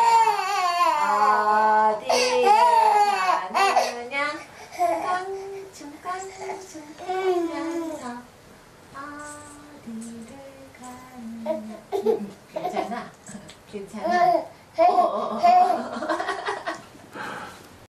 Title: baby crying 😄